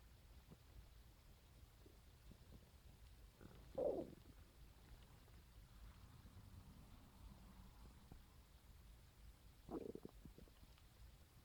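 Faint low rumbles with two brief gurgling squeaks over quiet background; normal stomach growling.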